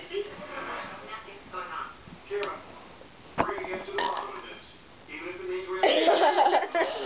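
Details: Burping contest between two friends; several voiced, croaky belches amid quiet chatter in a small room, with a louder drawn-out burp near the end.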